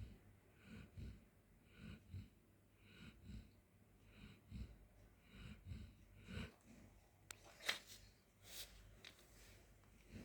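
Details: Golden Retriever sleeping on the floor: soft, regular snuffling snores about every 0.6 seconds, then a few louder snorts and rustling during sleep.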